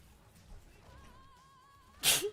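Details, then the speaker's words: Single loud, sharp, explosive sneeze from an adult who announces it first and sneezes into their hair, with faint background music. "Oh god, I gotta sneeze. Sorry. I need to sneeze."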